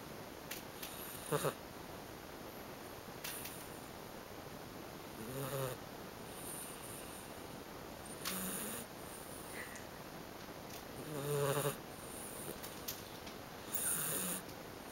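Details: Sleeping terrier dog snoring with intermittent short snorts, about four in fifteen seconds, over a steady room hiss.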